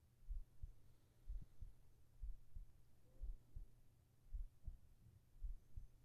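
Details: ASMR heart sounds for sleeping, recorded with a whispered voice: deep, muffled lub-dub heartbeat at about 60 beats a minute with steady rhythm and low background rumble, a heartbeat.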